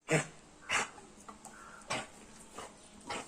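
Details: A dog with kennel cough giving repeated harsh, dry hacking coughs.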